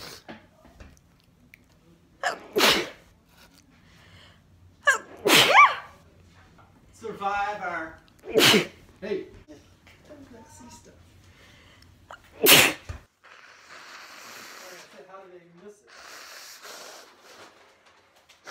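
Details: Women and girls with hay fever or allergy: about four forceful sneezes, some voiced, then nose blowing; allergic sneezing.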